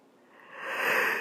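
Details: Person about to sneeze: a rising hissy intake of breath builds toward the sneeze, and the clip ends at its onset.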